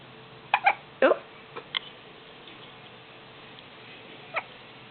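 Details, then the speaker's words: A baby with hiccups makes several brief, abrupt little catches of voice at irregular intervals against steady room hiss: hiccups. "You got the hiccups, baby. Yeah. You got the hiccups?"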